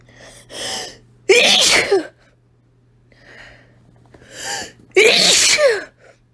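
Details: Woman sneezing twice after deliberately taking deep inhales from a chili powder shaker: each sneeze is a rising gasping in-breath followed by a loud explosive burst, recorded on a phone.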